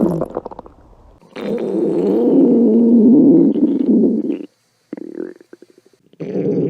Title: お腹が鳴る女の子 A girl's stomach growling